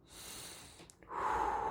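A soft breath is followed by a louder, deeper breath with strong airflow noise, imitated by an adult. This is sighing respiration, where an occasional deep inspiration interrupts a normal breathing rhythm. It is a physiological finding, common with tiredness, stress or anxiety.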